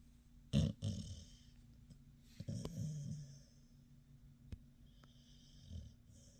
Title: Snoring Puppy